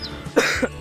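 One short, harsh, acted cough burst from an adult, in a room with faint background noise.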